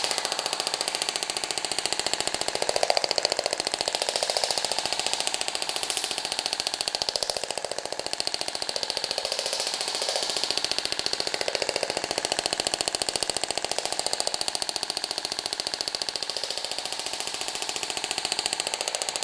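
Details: Radial shockwave therapy handpiece treating fibrotic cellulite in a positioned patient with gel applied: rapid, steady clicking pulses about 15 per second until the set pulse count ends and the device stops automatically.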